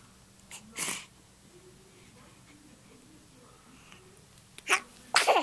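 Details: Infant's sneezes: two sharp, noisy bursts of air, each a quick intake then release, in a quiet room.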